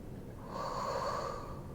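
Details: A single drawn-out, noisy breath through the nose lasting about a second during a fascia healing and chiropractic session; snorting.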